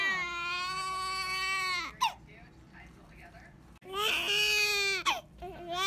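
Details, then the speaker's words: Newborn girl just delivered by unexpected C-section after labour stalled near full dilation, crying: two long, strong wailing cries with a gasp between, over faint room noise; a vigorous newborn cry. "Say hi to everybody. Yeah, let them know all about your first bath and how mad you are."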